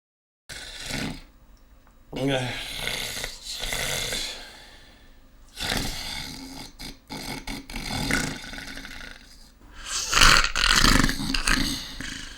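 Loud, rough, rattling breathing noises come in repeated irregular bursts, with a low fluttering quality on some breaths, typical of snoring.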